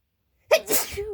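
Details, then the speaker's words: A single loud, explosive sneeze after silence, a sharp burst followed by a hissing rush of air, with lots of spray, from a person wrapped in a blanket because cold; sneeze. "get oh my gosh sometimes I have a lot of spray like it's hard to see in the video"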